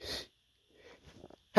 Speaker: Oh my God, that was a lot of sneezes.